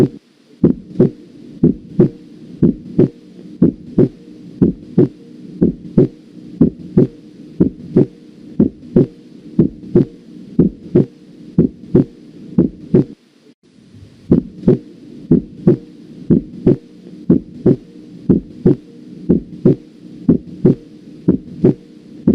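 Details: Second heart sound (S2), heard with the stethoscope diaphragm, loudest at the aortic and pulmonary areas; regular heart sounds at about 60 beats/min with a normal second sound.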